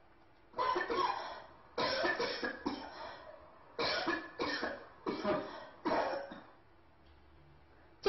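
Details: Dry hoarse cough.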